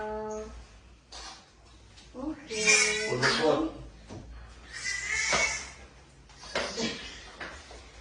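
High-pitched bursts of newborn crying after delivery, mixed with adult talk and background music; a normal first cry.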